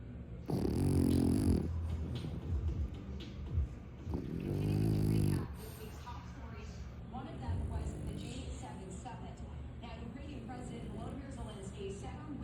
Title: Brother is completely passed out. Listen to him snore 😴